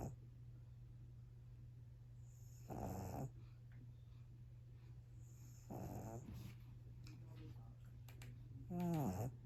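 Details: Sleeping pug dog snoring soundly after a busy play chase: three rough, rattling snores about every three seconds, roughly 20 breaths a minute, over a steady low background hum.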